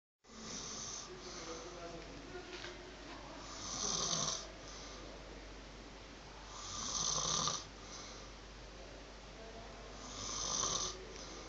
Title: Roommate snoring.